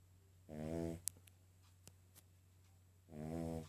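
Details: Sleeping King Charles spaniel with two loud, buzzing, tonal snores about 2.5 seconds apart, steady low hum and a few clicks between; ordinary snoring.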